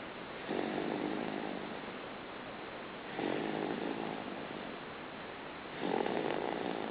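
Rhythmic rattling snores on each breath, about three in seven seconds, with quiet pauses between; infant snoring.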